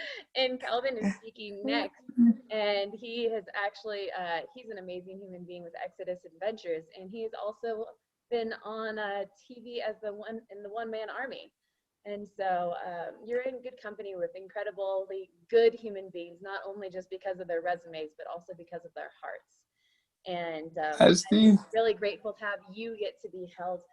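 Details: Adult woman speaking; Normal speech.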